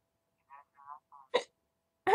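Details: Hiccups while talking: faint voiced sounds followed by two short, sharp gulping hiccups.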